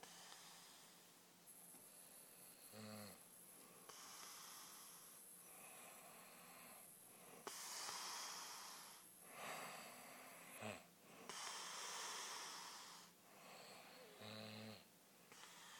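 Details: Someone snoring, recorded during the last leg of a 48-hour film project: slow, noisy breaths at about 15 a minute, each with a harsh rattling snore, some with a short snort, against a steady background hum.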